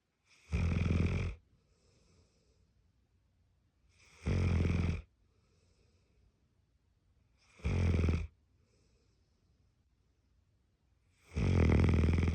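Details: Tibetan Mastiff puppy snoring while asleep: four deep, loud snorting snores on inhalation roughly every 3.5 seconds, about 17 breaths a minute, with soft exhalations between.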